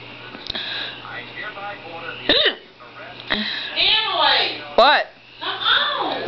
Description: i was practicing my eye makeup for a dead girl and i was also dying my hair and then i got the hiccups.